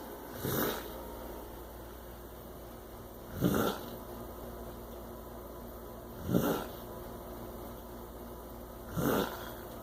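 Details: Loud, harsh, rasping chainsaw-like snores with each breath, about 21 per minute, over steady background hum; snoring.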